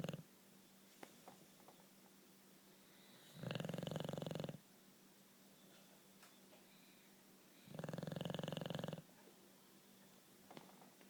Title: Snoring Bulldog